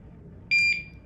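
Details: Home milrinone IV infusion pump being switched on: two short, high electronic beeps in quick succession, the routine power-on alarm self-check; normal device behavior.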